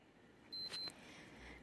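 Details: Easy@Home digital infrared ear thermometer switched on to use the memory function: two short, high-pitched electronic power-on beeps in a quiet room.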